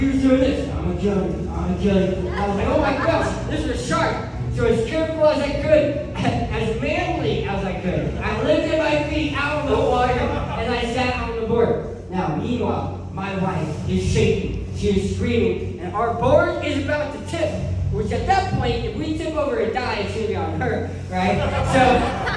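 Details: Adult male who lost 80% of his tongue to cancer, now with a permanent speech impediment; articulation impairment after partial glossectomy.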